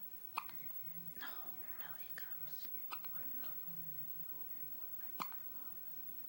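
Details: Lola with bad hiccups, trying to get rid of them: soft room noise with three brief, sharp hiccup sounds, irregularly spaced among faint whispering; repeated hiccups.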